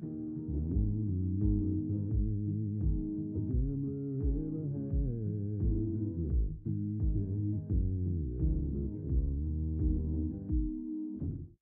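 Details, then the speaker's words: Simulated profound "cookie bite" hearing loss: sung music with lyrics muffled, distant and lacking fullness, like hearing a neighbor's music through a wall; contrasted with normal hearing. "It's a pretty drastic change, and as you can probably hear the lyrics are muffled, the music is distant, the fullness of the sound is missing. It's like you're listening to your neighbor's music through your wall."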